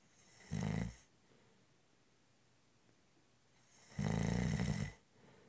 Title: 20 Minute Snoring Audio In Honor of National Nap Day- It's a cat nap!